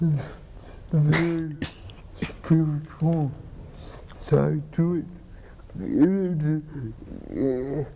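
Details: Adult man with cerebral palsy and dysarthria, who has a pump that injects medicine into his spine to reduce spasticity; dysarthria (cerebral palsy).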